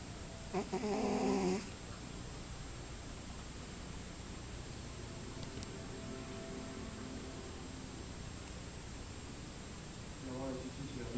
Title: cat snoring